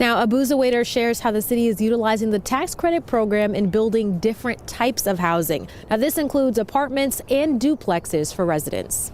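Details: Adult woman, news reporter; ordinary speech.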